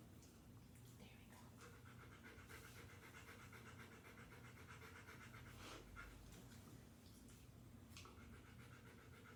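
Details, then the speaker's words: Panting of a female dog during a physical exam (TPR and auscultation). She pants because she gets a little anxious, which complicates counting respiratory rate. The panting is rapid, shallow and open-mouthed, about 120 breaths a minute. "i can tell by her panting it is normal for her to pant during physical exams because she does get a little anxious"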